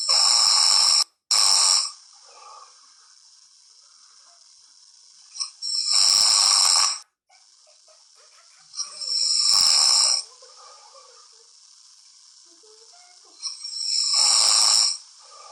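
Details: Snoring test recording, part 2: four loud, harsh, hissing breath noises about every four seconds, rough airflow during sleep, though thin and high-pitched.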